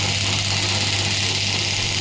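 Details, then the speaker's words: Biotronix pneumatic (air-compression) ESWT device, energy lowered to 4 bar for the hand, applicator started: steady loud mechanical buzz with a low hum of rapid pulses; pneumatic shockwave applicator firing. "Now I am going to start the sim. I have to press it. You can see I have the applicator, and now I am going to press this."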